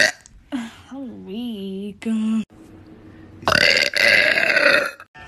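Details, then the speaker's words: Several loud, drawn-out voiced belches, one rising and falling in pitch; burping, from a compilation of loud burps and drunk hiccups. "That little burp. That was so loud."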